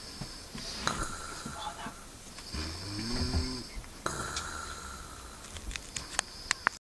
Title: my brother snoring